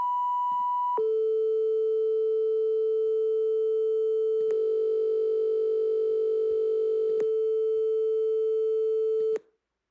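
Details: Simulated tinnitus from an online tinnitus-matching tool for replicating and sharing what sufferers hear: steady synthetic electronic tones imitating the continuous ringing or buzzing of tinnitus.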